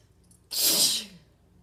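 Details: Standing head sneeze: a single sharp, hissing sneeze burst in a quiet room; sneeze.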